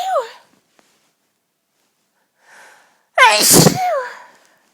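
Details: Violent, strong sneezes in a rapid sneezing fit lasting about ten minutes, each following a brief in-breath with loud voiced bursts.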